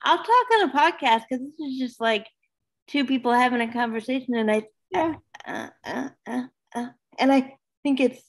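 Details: Adult woman, almost 32, with cerebral palsy who says talking is hard for her: dysarthria (cerebral palsy).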